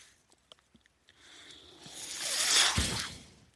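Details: A man's mechanical ventilator running in a quiet room: a few soft clicks, then a rising and falling airy whoosh of one delivered breath.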